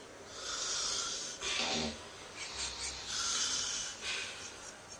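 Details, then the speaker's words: Sleeping person snoring at 3 am in the drivers' room: loud, hissing snore cycles, about three in five seconds, with coarse snorting breaths in between. "Okay, it's 3 o'clock and there's a snoring competition going on in the driver's room."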